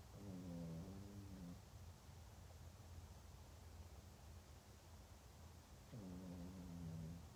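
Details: Pet sleeping comfortably: two drawn-out, buzzy, low-pitched breaths separated by a quiet pause, steady background hum; snoring during sleep.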